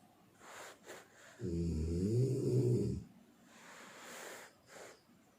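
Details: Snoring: a loud, low, rattling snore on the in-breath, with softer breathing sounds around it.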